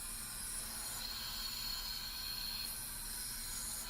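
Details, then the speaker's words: Aeroeclipse nebulizer near end of treatment: steady hissing spray breaking into uneven, interrupted sputtering (tss, tss), signalling the medication is used up. "When your medication starts to sound like a sputtering, when your nebulizer is getting close to the end, it's going to go tss, tss, tss, tss."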